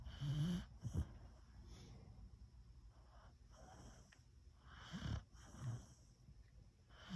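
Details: Beagle named Banchee snoring while lying pressed against the owner in bed.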